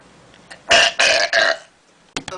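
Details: Girl deliberately burping out of boredom: three loud, drawn-out, tonal burps in quick succession, then brief sounds at the end.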